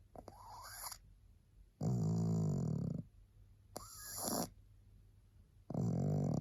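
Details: Very tired female pug, barely able to hold her head up, sleeping with loud rhythmic snores: a rattling inward snort alternating with a softer outward breath, about 20 breaths a minute.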